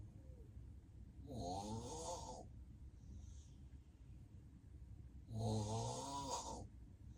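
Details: Real, unplanned nap by an adult with sleep apnea: two loud, deep, rattling snores about four seconds apart with quiet breathing between.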